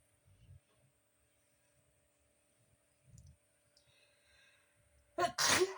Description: I woke up sneezing so hard in the morning!!!